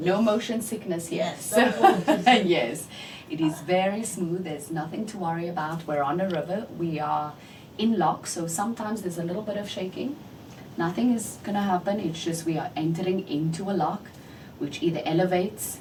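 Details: Adult woman; typical speech.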